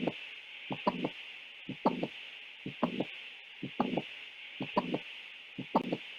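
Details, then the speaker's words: Heart sounds with a systolic click, thought to be a valve that may not close, in midwifery physical-examination teaching: regular heartbeat near 60 a minute, each beat with a sharp extra click over a steady hiss. "ini hard click ya, kelainan kayak ada unit klik karena ada ee katuk ya mungkin yang tidak menutup."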